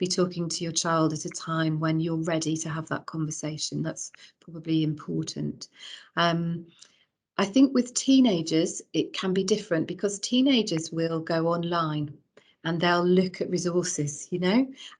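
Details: Adult woman speaking; normal voice.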